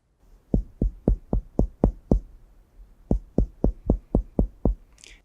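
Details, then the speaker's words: Percussion of a female patient lying down, moving from a lung intercostal space down over the liver: dull note, hepatic dullness, with less sound intensity than the resonant lung. "agora eu vou descer um pouquinho para pegar uma área de fígado e aí a gente vai escutar o som da macicez do"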